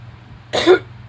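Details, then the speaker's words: Single short cough from an adult, coughing up from the lungs, with a low steady hum behind it; the speaker attributes it to lungs exposed to frequencies. "That's from my lungs."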